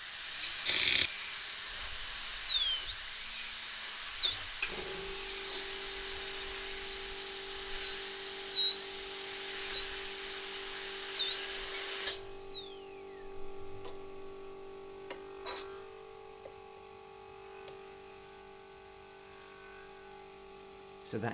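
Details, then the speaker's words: Training simulator, tooth extraction: high whining drill of varying pitch, then a steady lower hum winding down, sectioning a bulge that blocks elevator access while avoiding the tooth behind. "If it does, then you can section, but be very careful that you don't touch the tooth behind it."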